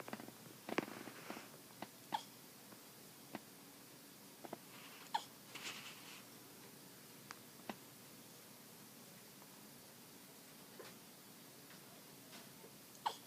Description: Hiccups make him sound like a squeeze toy